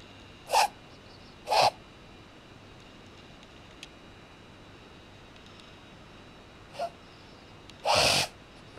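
Brief snorting bursts in a quiet room, four in total, the last one longer; a reverse sneezing episode in a dog.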